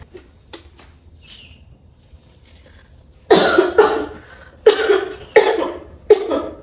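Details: Simulated nursing role-play of a 63-year-old woman with pulmonary tuberculosis during chest physiotherapy and effective-cough practice: four loud, harsh, wet-sounding coughs after soft rustling, acted as a cough with airway secretions.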